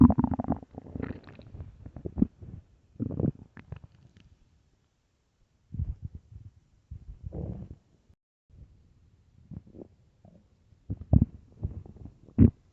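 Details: Early-morning stomach growling recorded for headphones: low gurgling rumbles and squelches in irregular bursts between quiet gaps; normal borborygmi.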